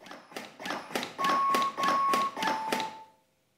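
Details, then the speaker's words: Fast, regular mechanical thumps at about 100–120 a minute from a LUCAS device in 30:2 mode, with steady alert beeps near the end as it stops for ventilation after 30 compressions. "if '30:2' has been selected the machine will deliver 30 compressions listen for the beeps to alert when the machine is stopping for ventilation pause"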